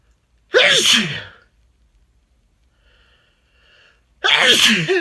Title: Quick sneezing 🤧 (male)